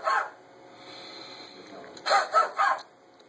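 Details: Huff coughs during high-frequency chest wall oscillation vest therapy: one forced breath out, a pause, then three short breathy huffs to clear airway mucus.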